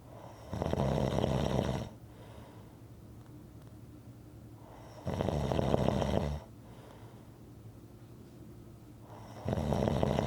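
Loud, rough snores on each breath in, about 14 a minute, with quiet breathing between; regular snoring.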